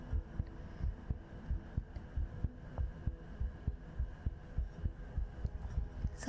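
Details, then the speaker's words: Heartbeat ASMR recorded on a sensitive 3Dio binaural microphone during a live stream; soft regular thumping heartbeat, about 100 a minute, under steady room hiss; normal heartbeat. "I just heard my tea go into my stomach cuz I had heart beats up when I was I heard it go. Note to self, don't drink things when you're doing heartbeat ASMR."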